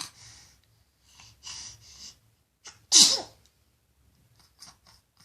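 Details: Loud sneezing: several quick breaths drawn in, then one loud, explosive sneeze followed by quiet breathing.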